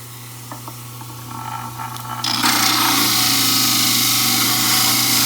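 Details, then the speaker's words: Motor hum, then loud harsh grinding as a model trimmer wheel cuts a dental stone study model. The model is trimmed so its high spot sits parallel to the countertop; dental model trimmer. "We're going to trim it so that this high spot is parallel with the countertop."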